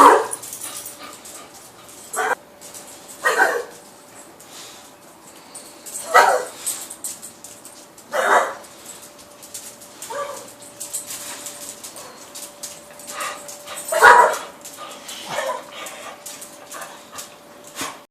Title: coughing